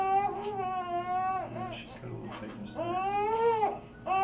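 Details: Girl just over a week old during her first chiropractic adjustment: loud, sustained infant crying in repeated wails with brief catches of breath between them, with background music; infant cry.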